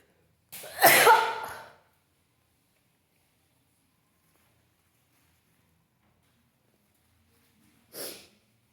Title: Wet sneezes Africa.